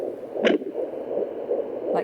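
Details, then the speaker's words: IVF pregnancy at 13 weeks 4 days, home handheld fetal Doppler: fast whooshing pulses: fetal heartbeat on Doppler. "a good heart rate is around it's something between like 140 to 160 oh it's quite fast"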